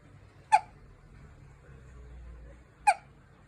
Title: 淡々としゃっくりをする新生児の赤ちゃん Cute Baby Hiccups